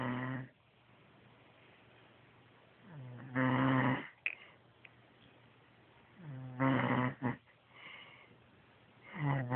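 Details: Loud rattling snores on each breath in, about three in under ten seconds, with quiet pauses between, in a quiet room.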